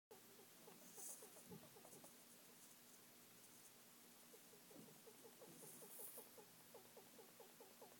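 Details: Faint rapid squeaks and chirps, about two a second in bursts, from a sleeping female pet rat that is quiet when active; owner wonders whether she is dreaming or sick.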